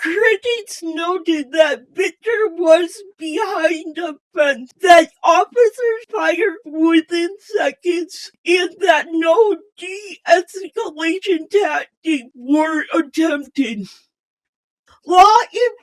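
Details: Speech impairment in a female channel host, described as possibly hard to understand at first.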